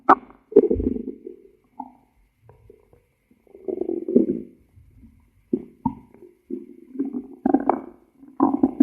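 Gurgling, rumbling and squeaking stomach noises in irregular bursts with short quiet gaps; ordinary stomach growling.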